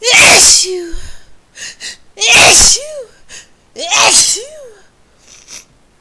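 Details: Three loud, explosive sneezes in quick succession triggered by a new spice, each followed by a brief voiced sound and short breaths; forceful, repeated sneezing.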